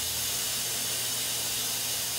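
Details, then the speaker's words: Yirro Plus self-cleaning dental mirror with its air pressure switched on and adjustable from minimum to high: a steady, loud, continuous hiss of pressurised air blowing across the mirror to keep it clear. "I would activate trainee air pressure on and once that switch is activated you have an adjustment to adjust air pressure so you can either have minimum pressure or you have a lot of pressure"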